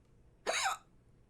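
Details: Female streamer with persistent hiccups during a stream, which she suspects came from eating too fast; she says she'll drink some water. One sharp, brief voiced gulp: a single hiccup.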